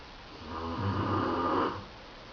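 A single rough, rumbling breath noise rises and fades over about a second. Snoring.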